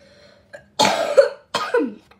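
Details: Two harsh cough bursts from a sick child.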